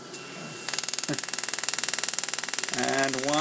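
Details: 10-year-old child's first laser tooth filling with a Biolase iPlus water laser, run on water only as a practice, with the child's lips around the suction straw: rapid, steady buzzing pulses about four a second, and the child's voice at the end.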